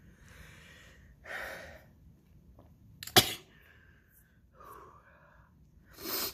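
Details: Sneeze attack on day 2 of a worsening cold: noisy breaths build to one explosive sneeze, followed by more breathing and sniffing.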